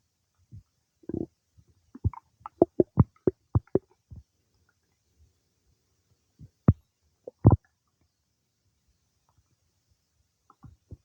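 Bursts of gurgling and popping gut noises, some in quick runs, against silence; ordinary bowel sounds of digestion.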